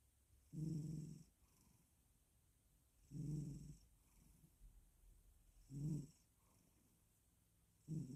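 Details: Regular low snoring rumbles with each in-breath, about 23 breaths a minute, from a cat purring and snoring as it falls asleep in a quiet room; snoring.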